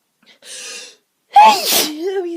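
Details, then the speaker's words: Sneeze during a sneezy day; a sharp in-breath, then a loud explosive sneeze with a trailing voiced sound. "So, um, I've been having a bit of a sneezy day today, but nothing really you nothing major."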